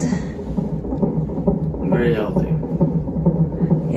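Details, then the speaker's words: Fetal heartbeat of a baby boy on a labor-ward fetal monitor at 36 weeks 4 days, premature labor: rapid, regular whooshing thumps at about 130–140 beats a minute, a normal fetal heart rate. "the one that you're hearing right now guys is ah it's heartbeat cuz said they put me this one they put me this thing right here it's like a monitoring like this monitor his heart rate guys"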